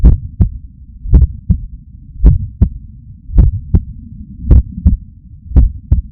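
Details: Steady, strong, clear lub-dub heart sounds at about 54 beats a minute over a low hum, recorded with a Stemoscope stuck to an adult's chest under the shirt on waking stressed; normal heart sounds.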